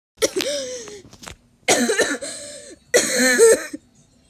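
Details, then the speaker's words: Person coughing hard, about forty harsh coughs a minute, between three bursts of hearty laughter while laughing at a funny video; cough set off by laughing. "but that's so funny when the mom did it i'm literal coughing so hard"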